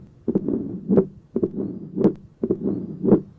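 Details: Tricuspid stenosis murmur, similar to that of mitral stenosis, with its intensity varying between inspiration and expiration.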